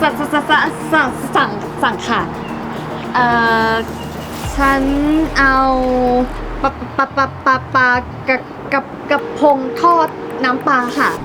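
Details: Acted stuttering by a female character in a Thai comedy skit, ordering food; character says it was not from birth but from lack of self-confidence; stuttering (acted).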